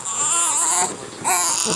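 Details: Infant boy with hiccups, held and kicking, crying with loud, high-pitched sustained wails in two long bursts with a short breath between; infant cry.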